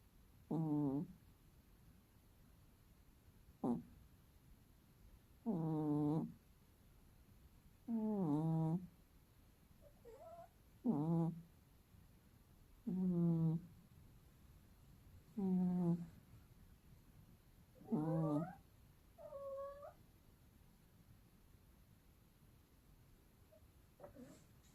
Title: My cat snoring like a Human so funny